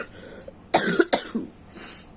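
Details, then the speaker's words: Adult with a cold, fever now gone but still runny nose and cough, feeling feverish and chest-aching, after taking medicine: two short, harsh cough bursts close together with a faint breath between, in a quiet room. "Badanku panas banget tapi saiki wis enggak panas cuman masih pilek sama batuk rasanya cemot-cemot cemat sampes ras soer"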